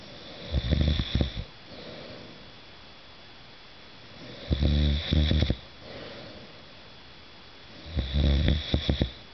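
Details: Adult man snoring in the dark, recorded by his wife: loud rattling snores on each breath in, about 3 in 9 seconds, with quiet breathing out between.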